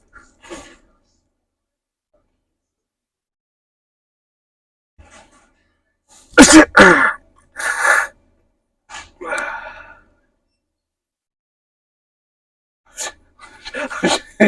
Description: Got some people mad sneezing by sneezing on them!